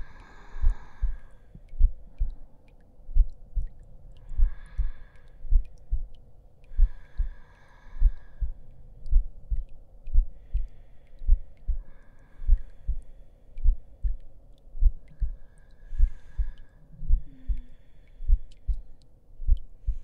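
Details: Simulated heartbeat sound effect in an ASMR roleplay with the listener lying down to rest: a steady, low thumping heartbeat, roughly 80 beats a minute, under soft voices and breathy sounds.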